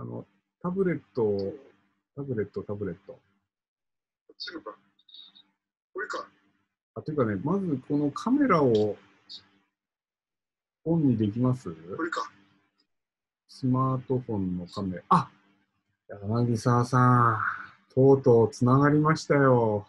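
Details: Man who has had aphasia for several years and is recovering, speaking in an online session; aphasia.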